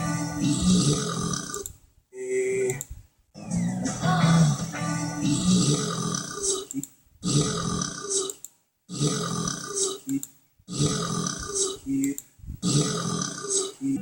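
A run of long, loud burps, one after another, with music playing underneath.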